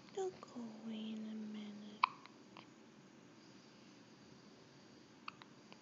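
A brief vocal sound, then a few sharp, isolated hiccup clicks in a quiet room over about six seconds.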